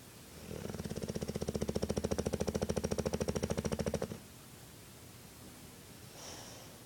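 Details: Snoring in a sleeping bulldog of about 90 lb: one long, loud, rattling snore of about three and a half seconds with fast fluttering vibration, then a soft breath.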